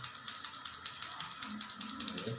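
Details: Fast, even ratcheting clicks, about ten per second, from a hand pump drawing suction on a cupping cup during wet cupping for cough and shortness of breath.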